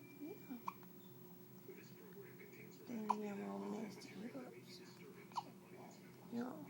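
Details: Hiccups: a few sharp, brief catch sounds repeating irregularly, plus soft vocal noises, in a quiet room.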